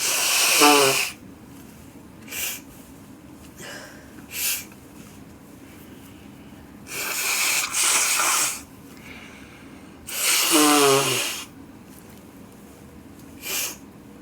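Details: Person in winter: several sneezes and forceful, hissing nose blows and snorts into tissues, repeated over about fourteen seconds.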